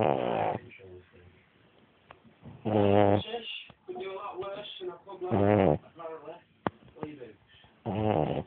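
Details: Snoring: irregular snorting snores with buzzy vibration and smaller snuffles and clicks between, about three loud snores in eight seconds.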